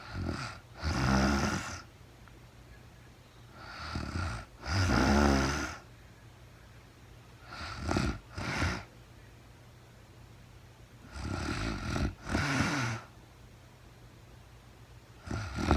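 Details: A woman sleeping in real time, with no talking, snores irregularly and rattlingly, some snores in split double bursts, at about 15 a minute in a quiet room.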